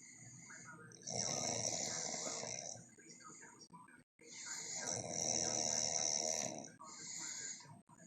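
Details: Heavy snoring: two long, loud, rattling snores on breathing in, with quieter breathing between them.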